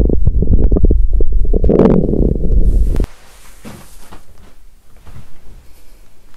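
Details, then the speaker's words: Loud borborygmi from a woman's abdomen after exercising on an empty stomach, with nausea and a cramping, twisting feeling in the stomach and intestines. "Lúc đó mình có cảm giác bụng và ruột như quặn lại 😫! Vì thế mà âm thanh đường tiêu hóa trở nên ồn ào! !!"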